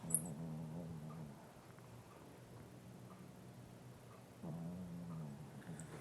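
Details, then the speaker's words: Resting pet snoring, not dreaming, heard in the background: low, rumbling snores with each breath, an ordinary sleep snore. "don't know if y'all can hear that she's so cute but she's not dreaming she just snores"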